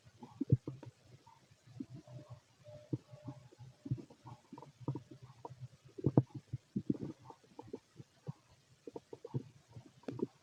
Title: Fit male stomach noise